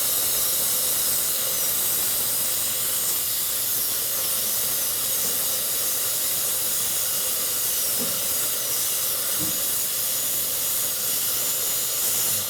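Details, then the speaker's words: Dental drill with round bur starting a zirconia crown preparation on upper right teeth, defining buccal and palatal margins: steady high-pitched hiss and whine, faint low hum underneath. "to do a zirconia Crown preparation so I always start with a round bur and I Define my buckle and and my um lingual or Pal margin first"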